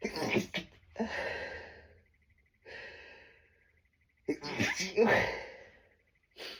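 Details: Strong sneezes during a tree-pollen allergy bout, too strong to stifle but held back anyway: gasping inhalations followed by several stifled, pressed sneezes.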